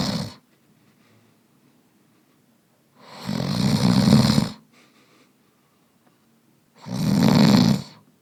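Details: Male snoring sound effect: two loud, low, rattling snores on inhaled breaths, about four seconds apart with quiet exhales between, roughly 15 breaths a minute.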